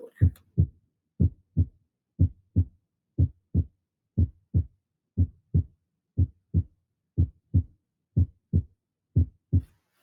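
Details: First heart sound (S1).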